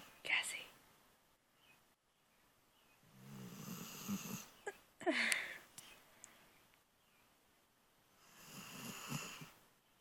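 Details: Pit bull sleeping with one eye half open, snoring.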